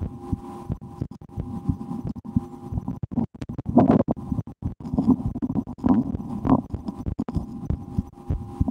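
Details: Muffled, regular heartbeat through a stethoscope on the speaker's own chest for ASMR, mixed with loud gurgling stomach rumbles from digesting a lunch of mushroom soup and a sandwich, plus rubbing noise; normal heart sounds.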